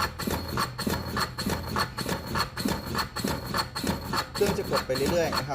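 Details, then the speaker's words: Steady rhythmic mechanical thumping at 100 compressions a minute from a Defibtech Lifeline ARM automatic CPR device in 30:2 mode, with a warning before the 30th compression and a pause for 2 breaths; demonstration of device use. "กดปุ๊บคือทำงานทันทีและรับกดไปเรื่อยๆนะครับเมื่อทดสามสิบครั้งครับก่อนครบ30จะมีเสียงเตือนก่อนครับแล้วก็จะหยุดช่วยให้เราวินเทจ2ครั้งนะคะ"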